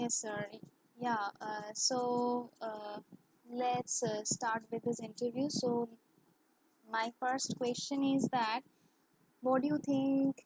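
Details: Woman who has stammered since childhood, worse in English and with high-authority persons, speaking English in an interview; stuttering.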